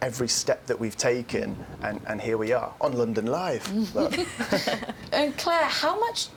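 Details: Adult speaker; normal speech.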